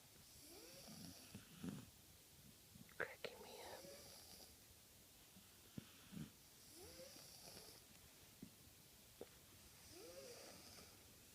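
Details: 10-year-old boy and his dog asleep on a sofa, unclear which is snoring: slow, rough snoring on each inhalation, about 14 breaths a minute, over quiet room noise.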